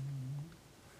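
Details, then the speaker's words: Snoring from a dog, resting after a morning walk in the woods, audible in the background during a stitching demonstration. "Can you hear Stella snoring? Honestly."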